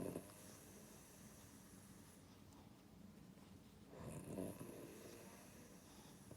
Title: #176# When Ollie dreams while snoring | Boston Terrier